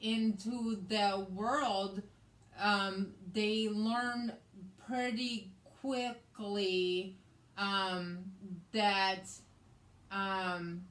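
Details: Woman with aphasia after a hemorrhagic stroke in May 2020, also with right-sided hemiparesis, treated with brain surgery and an ICU stay; the aphasia also affects her reading and writing; post-stroke aphasia.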